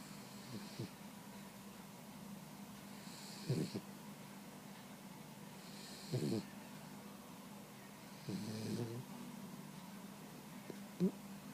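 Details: 16-week-old boxer puppy snoring and dreaming during an afternoon nap: soft, irregular snorting snores, about four in eleven seconds, over a steady hum.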